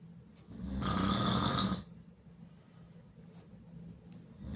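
One loud, rough, rattling snore lasting about a second, then quieter breathing against low room hum: open-mouth snoring.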